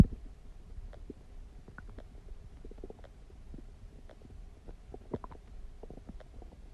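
Low, soft gurgles and bubbling rumbles from the belly throughout; ordinary stomach growling from gas and fluid moving through the gut.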